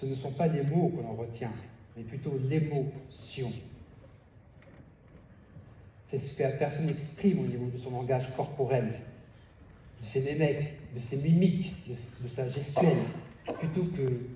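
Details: Contestant at a stuttering eloquence contest, speaking French: stuttering.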